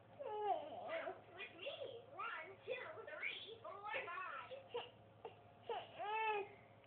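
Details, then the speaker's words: A tired 6-month-old baby girl during tummy time gives fussy, rising and falling wails and whimpers; ordinary tired infant crying. "oh no oh you're so sad oh man oh no baby girl what the matter what's the matter k me oh no you make such sad face"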